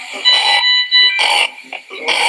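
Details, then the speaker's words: Child seen in outpatient clinic with severe inspiratory stridor, severe suprasternal and subcostal retractions and excessive use of respiratory muscles; laryngomalacia. "this is the child, you can see having a stridor on inspiration. There's an inspiratory stridor, and also you can see there is severe suprasternal retraction, and also there is subcostal retraction, and there is excessive use of respiratory muscles."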